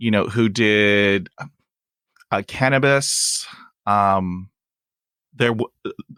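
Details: Adult male with persistent stuttering, including blocks and long pauses, who uses helper words; stuttering.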